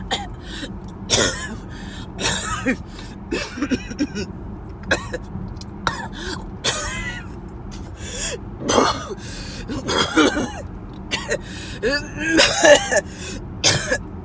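Repeated harsh coughs in clusters with gasping breaths between them, over a car's road noise; ongoing coughing fits.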